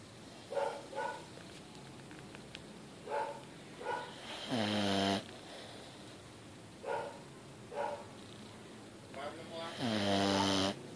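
Two loud, rough, rattling breaths with short snorty noises between them, in a noisy room: a dog snoring.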